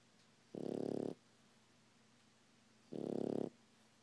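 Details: Napping French Bulldog, described as a baby, snoring: two loud, rattling, fluttering breath sounds about two seconds apart, separated by quiet.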